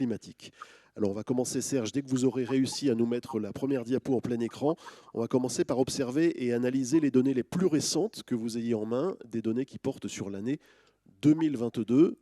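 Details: Adult male speaker; Normal voice.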